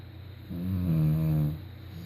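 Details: A woman snoring: a single low, rumbling snore lasting about a second, rising and fading.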